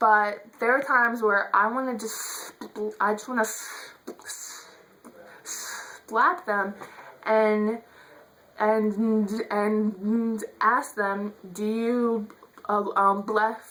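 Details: Adult woman who states she stutters; stuttering.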